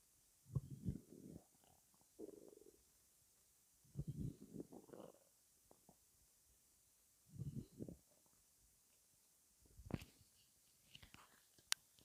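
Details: Low gurgling rumbles in several bursts with quiet gaps; stomach rumbling the person found unusually weird-sounding, bowel sounds from gas and fluid moving.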